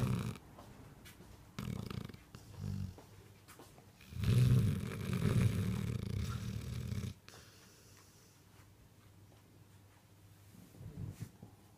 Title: Snoring doggie